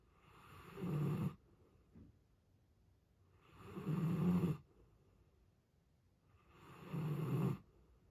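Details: Giant Alaskan Malamute sleeping: three loud, rattling inspiratory snores, about 19 breaths a minute, with quiet exhalations between; heavy snoring.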